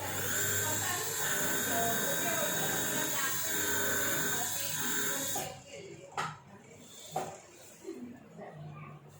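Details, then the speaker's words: Steady high-pitched dental implant drill whine for about five seconds, then stops: the third osteotomy drill, 3 × 11.5 mm, cutting a bone model without water irrigation during sequential drilling for a tapered two-piece implant. "But this is first drill, this is second drill I am using, then this is third drill, just 3 by 11.5."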